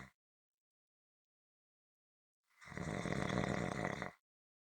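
A single loud, low, fluttering snore lasting about a second and a half, after a few seconds of silence.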